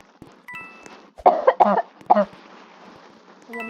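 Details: Three or four short, loud coughs in quick succession from a girl who says she is still sick, recorded while gaming, over faint game sounds and chimes.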